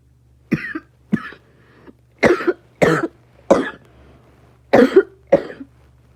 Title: Another cough